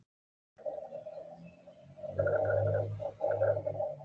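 Low-pitched, coarse, rumbling snoring-like sounds running through the breaths, loudest in two surges; rhonchi from secretions in the airways.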